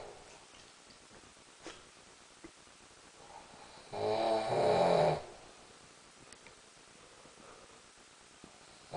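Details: Person asleep snoring loudly, likened to Darth Vader with a head cold: a single loud, rough snore in an otherwise quiet room.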